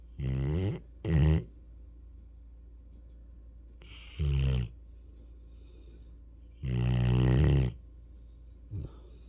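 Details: Snoring from a sleeping Mastiff/Rottweiler puppy: loud, low, rattling snores in irregular bursts over a steady low room hum.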